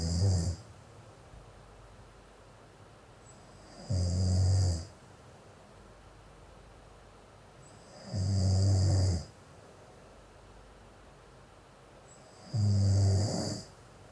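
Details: Adult man sleeping: loud, low, rumbling snores about every four seconds, roughly 14 a minute, with quiet between, snoring with obstructive sleep apnea.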